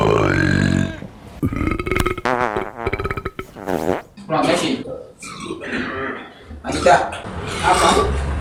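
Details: Burping: long, voiced, croaky rumbling belches with wavering pitch, mixed with some vocalizing; prolonged belching compilation clip.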